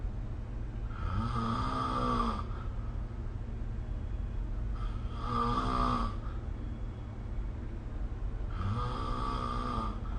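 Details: Snoring recorded with the SnoreLab app: three rough, rumbling inspiratory snores, about 18 a minute, with quiet gaps between, over steady low background hum during sleep.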